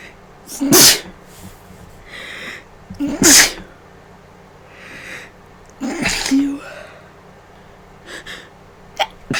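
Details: Allergic sneezing from being around funeral flowers as Claritin wore off, with heavy runny nose and headache: three loud explosive sneezes a few seconds apart, each with a sharp intake, then softer breaths.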